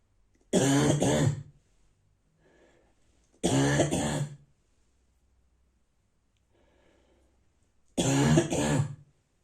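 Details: Person with a bad cold, morning: three harsh, dry, barking cough bursts, each a double hack, with quiet breaths between; says everything inside hurts; dry barking cough.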